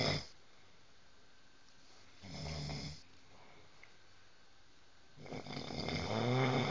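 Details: A man snoring during sleep, with two slow, rough, rumbling breaths in a quiet room, likened to a bear; snoring.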